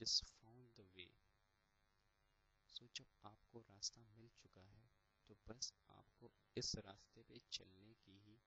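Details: Stuttering (stammering) in a male final-year B.Tech computer science student who attends speech therapy sessions.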